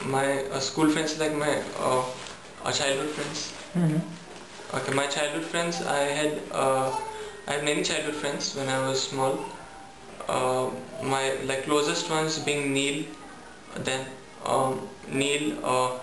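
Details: Young adult male student recorded before stammering therapy, who says he gets stuck when nervous; stuttering.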